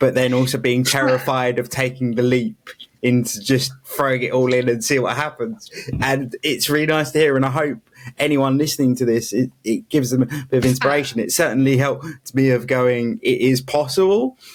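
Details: Adult speaker; normal speech.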